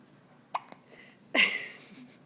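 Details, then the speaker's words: A baby hiccuping while wide awake, seemingly not bothered by it: two brief abrupt catches in the breath followed by a short noisy breath, while an adult talks to her. "Hiccups are no fun. Whoop. Well, they don't seem to irritate you, which is amazing. Is this natural for you to have hiccups?"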